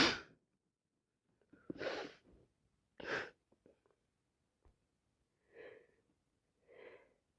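Several forceful sneezes with sharp intakes between them, then softer exhalations; repeated sneezing with a cold and sinusitis.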